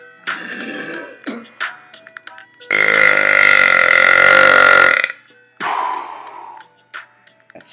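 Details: Burping done back to back on purpose: a long, loud, voiced belch with shorter burps around it, over background music.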